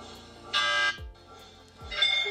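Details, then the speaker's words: Recorded MRI scanner sounds played to a child during a practice mock MRI at a children's hospital: loud electronic buzzing bursts like a loud ringing phone, separated by quieter gaps. "the MRI makes cleany bangy sounds when it takes pictures"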